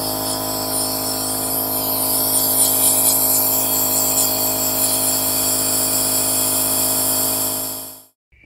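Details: Steady, loud mechanical hum and buzz of a home nebulizer compressor that stops abruptly, delivering diluted 3% food-grade hydrogen peroxide in sterile saline, inhaled through the nose for sinus cleansing over about seven to eight minutes.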